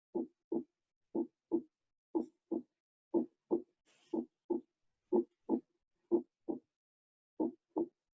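Steady paired lub-dub thumps, about 60 a minute, with clear silent gaps between pairs: normal first and second heart sounds.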